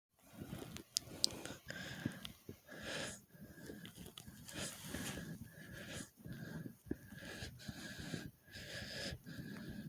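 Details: Heavy breathing and fast heartbeat after doing many jumping jacks; fast, deep, noisy breaths in and out, a normal response to hard exercise.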